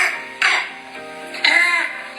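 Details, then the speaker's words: Two harsh, barking coughs over background music, a barking cough of laryngitis (croup), often from parainfluenza viruses, presented in a paediatric talk on children's cough. "вернемся смотрите лающий кашель это у нас ларингит часто это вирусы парагриппа до повреждающие приводящий к тёлку голосовых связок"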